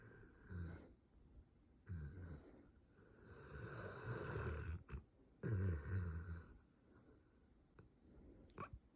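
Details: Sleeping dog snoring: low, rumbling snores roughly every two seconds in a quiet room; ordinary snoring.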